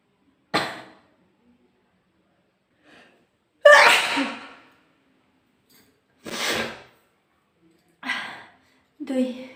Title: sneezing challenge ||Requested video ||sneezing challenge |